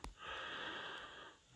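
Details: An adult woman snoring at night around 3 a.m., keeping her husband awake: one long, harsh, rasping snore on the in-breath lasting over a second; loud snoring.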